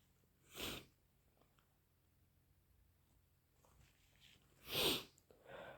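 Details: Powerful sneezes deliberately induced by a person who is not sick, with nose blowing; the nose took a lot of effort before sneezing.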